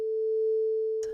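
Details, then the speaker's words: Hearing demonstration: a steady mid-pitched pure tone about one second long, showing the normal ear perceives very soft sounds; intensity range about 0 to over 100 decibels. "Instruct the student that he or she will hear a beep, first in the right ear and then in"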